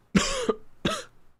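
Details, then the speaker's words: Two short, harsh, partly voiced coughs about half a second apart from an adult streamer with laryngitis whose throat is still recovering; cough. "but yeah, sorry man, laryngitis. Jesus Christ. Shouldn't be streaming anyways."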